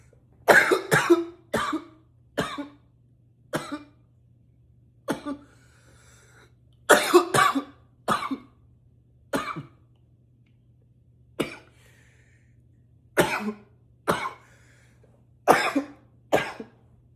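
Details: Intense repeated coughing: about fifteen forceful coughs in loose pairs and clusters with short quiet gaps.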